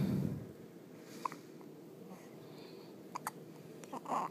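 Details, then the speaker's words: Hiccups in a 2-day-old newborn boy who is awake but sleepy and still in hospital: a few brief, soft, abrupt catches in a quiet room. "those make loud noises don't they you did that all the time in mama's belly"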